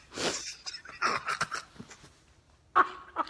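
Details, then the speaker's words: Short bursts of sniffing and nasal blowing, then a sudden sharp sneeze-like burst; sneezing with sniffles. "that was a different sneeze i guess"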